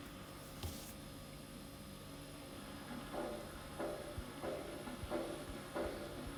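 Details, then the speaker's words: Aortic regurgitation: faint, regular heart sounds at about 90 a minute, each trailed by a soft, high-pitched, blowing early diastolic decrescendo murmur. "aortic regurgitation is an high-pitched blowing early diastolic decreasing normal long diastolic murmur"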